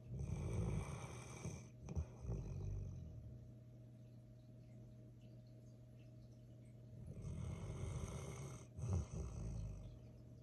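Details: Sleeping male golden retriever puppy snoring: two long, low rumbling snores with quiet breathing between them.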